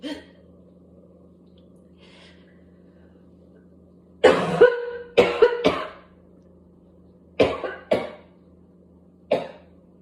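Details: Adult with whooping cough (pertussis): after a quiet pause, about eight harsh coughs in tight clusters over a low room hum, a paroxysmal coughing spell that led to gagging, spitting and vomiting.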